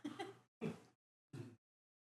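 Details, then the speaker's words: Dog snoring, heard in the background of a conversation; short, rough snorting breaths with a low rattle, separated by silence. "J'entends ton chien ronfler. C'est faou. Moi je dors avec ça tous les soirs."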